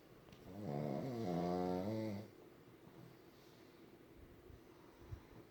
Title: Puggies snore in stereo.